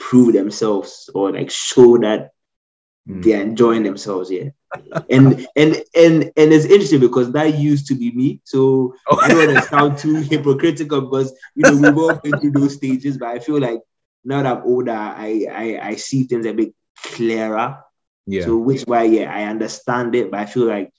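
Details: Stuttering since childhood in an adult man, severe while growing up, now managed after speech therapy.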